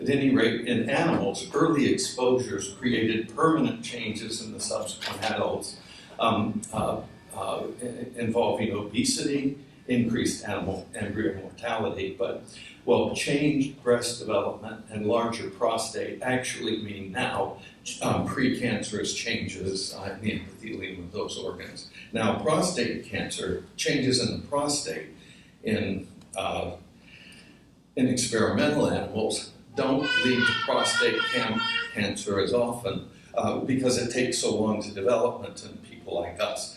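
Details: Adult male speaker with essential tremor affecting his voice and hands, which ended his surgical work; voice tremor (essential tremor).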